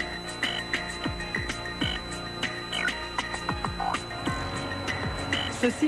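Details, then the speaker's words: Simulated high-pitched whistling representing the constant tinnitus of a man after acoustic trauma at a nightclub. He now hears it day and night and has become hypersensitive to noise. "aigu que vous entendez est un acouphène un son insupportable avec lequel doit vivre Stéphane après une banale soirée en boîte de nuit il a subi un traumatisme sonore depuis il entend ce sifflement jour et nuit"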